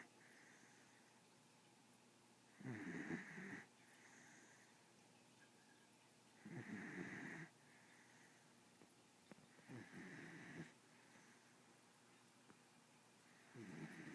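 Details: Pitbull dog snoring, owner says she snores much louder than recorded: rough, fluttering snores on each inspiration, about 15 breaths a minute, with quieter breathing between.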